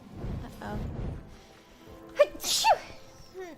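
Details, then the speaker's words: Allergy-related sneezing: brief build-up, then one sharp sneeze burst with music in the background. "I have allergies. Just over and over. Oh god, I have to sneeze again."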